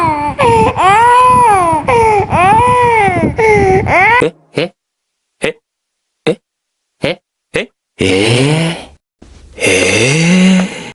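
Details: Young child sick, coughing and uncomfortable: loud, sustained wailing cries with rising and falling pitch, broken by short gasping breaths; distressed crying.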